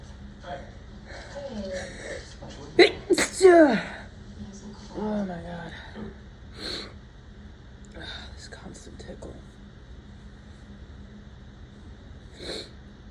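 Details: Repeated painful sneezing during a COVID infection: two or three quick sneezes with groaning over a steady room hum, then quieter sniffs.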